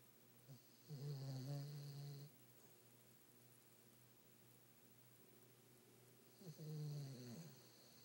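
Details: Pet dog snoring in bed at night, said to snore louder than he barks; two low, rattling snores about six seconds apart on the in-breath, quiet breathing between; ordinary snoring.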